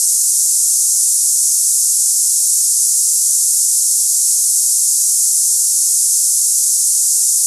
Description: Cicada hissing sound tinnitus sample for people experiencing ringing ears, buzzing sounds, hissing in ears, or cicada-like tinnitus noises.